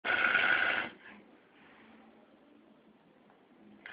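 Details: Man snoring in sleep after drinking too much on New Year's: one loud, rough, rattling snore, then quiet breathing with faint room noise.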